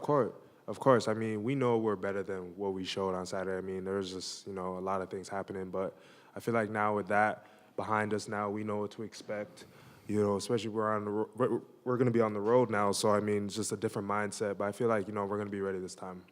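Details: Adult male speaker; Normal speech.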